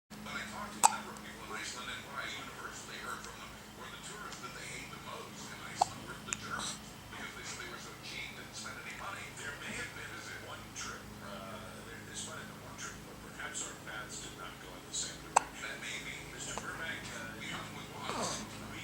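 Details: Person with hiccups: four brief, sharp hiccup sounds spread over about nineteen seconds, with soft talk and room noise in the background.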